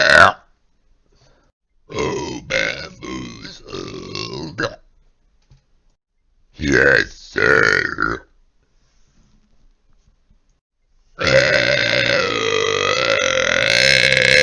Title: More Burps 1